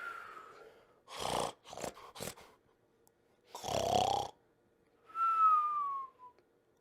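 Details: Noisy snoring during sleep, described as a snoring problem: rough snorting breaths alternating with high whistling nasal exhales.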